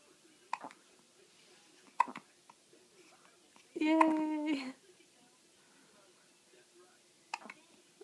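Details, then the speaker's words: Occasional sharp little hiccup sounds with a brief voiced sound partway through, in a quiet room, from a baby with hiccups who looks to mom; hiccups. "You got hiccups? Oh. Oh,"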